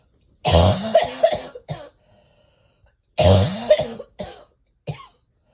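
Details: Two deep, rattly coughing bouts, each a long harsh cough then shorter ones, from someone whose chest feels like cement with congestion not yet breaking up; cough with chest congestion.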